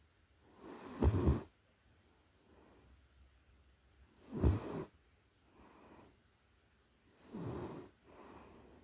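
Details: Close-up recording of a puppy in deep sleep: soft snuffling snores with quieter breaths between, about 18 breaths a minute; gentle sleep snoring.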